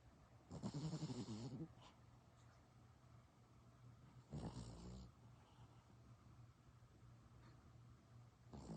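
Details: Baby girl snoring: low rumbling snores with each breath, two clear ones a few seconds apart, over a steady room hum.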